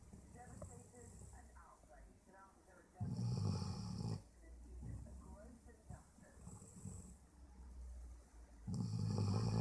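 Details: Loud, low, rumbling snores on two breaths with quieter breathing between: ordinary sleep snoring from a dog, Toby, sleeping with his mouth open.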